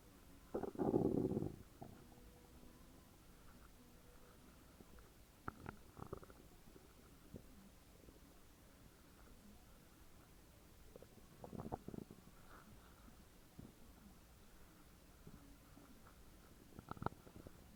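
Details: A woman's very loud stomach growls: one loud, long growl, then scattered softer gurgles and rumbles in a quiet room; ordinary loud bowel sounds (borborygmi).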